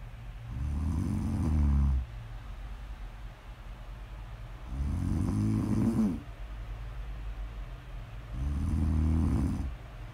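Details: Woman asleep: three deep rumbling snores over ten seconds, about 17 breaths a minute, quiet pauses between; steady snoring.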